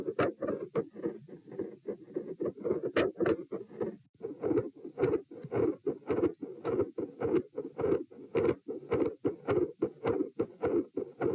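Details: Heart sounds recorded at position P with the same subject standing: rapid, fairly regular thudding beats with a rough whooshing murmur of varying intensity in the gaps; across recordings it ranges from no murmur to a continuous murmur.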